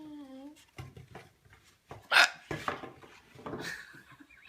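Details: Female patient after oral surgery that went into the jaw bone, with swollen lips: a sharp, sudden voiced catch among brief breathy sounds and soft background noise; hiccups.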